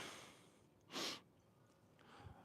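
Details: 6-year-old barrel racing quarter horse during a chiropractic session, before its left side is checked: a single short, forceful burst of air through the nose, a snort, against a quiet background.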